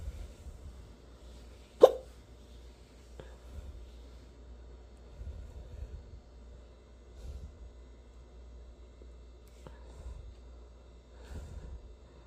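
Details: Repeated hiccups from an adult, one sharp loud hic followed by several softer ones, in a quiet room: hiccups.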